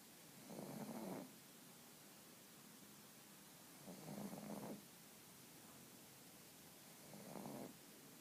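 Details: A sleepy female pug, napping when her owner wanted to wake her for a walk, snores with rough, rattling snores at a slow, steady pace of about 18 per minute, with quiet pauses between.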